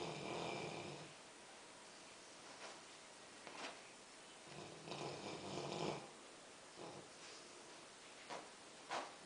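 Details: Rottweiler snoring while asleep and dreaming: soft, irregular snoring breaths with a few brief snorts and small sleep noises.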